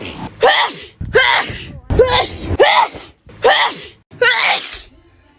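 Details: Girl having a sneezing fit, from a sneeze compilation: about six quick sneezes, each a sharp inhaled catch followed by a burst of air, some voiced; repeated sneezing.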